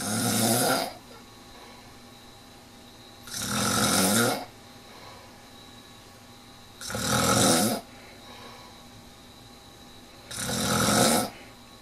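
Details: Steady snoring during sleep: four loud, rough, rattling in-breath snores, evenly spaced at about 17 breaths a minute, with quiet exhalations between.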